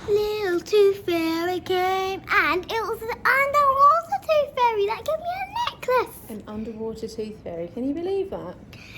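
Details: Interdental lisp in a child after losing a top front tooth, with the tongue placed in the gap between the teeth while talking.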